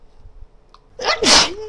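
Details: Female sneezing repeatedly, saying she can't seem to stop: a brief quiet intake of breath, then one sharp, explosive sneeze trailing into a breathy exhale.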